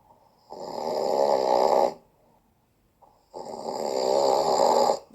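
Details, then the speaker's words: Adult man snoring loudly with a fluttering sound on both the in-breath and the out-breath, with a brief quiet pause between them. "Ten osobnik daje w jedną stronę. tylko przy wdechu, ale najlepsi robią to w dwie strony. Wdech i wydech."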